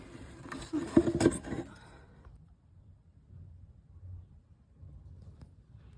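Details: Cough from a sick rescue hedgehog.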